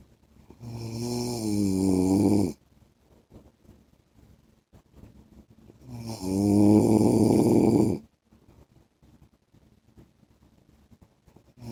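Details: Adult man snoring: loud, long, vibrating snores on each breath in, about every five seconds, with quiet breathing out between; heavy snoring.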